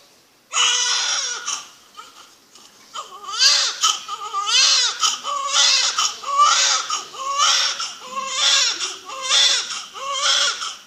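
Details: Loud, high-pitched crying in repeated bursts, about one a second: a newborn's first cries at birth, a couple's first child.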